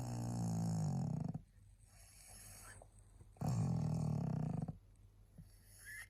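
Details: Very tired pug, a small flat-faced dog, barely able to hold her head up: loud, low, fluttering snores on each inhale, two long snoring breaths with quieter exhales between.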